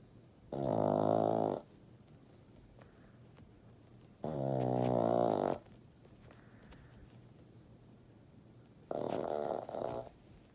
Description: My Boston Terrier snoring and dreaming.